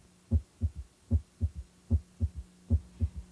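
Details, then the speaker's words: Regular heartbeat near 75 a minute with a soft third sound after each second sound, heard during cardiac auscultation in a physical assessment lesson: S3 ventricular gallop, possibly a sign of heart failure. "especially note the timing of heart sounds in relation to the cardiac cycle and stay alert for abnormal heart sounds such as s3 or ventricular gallop"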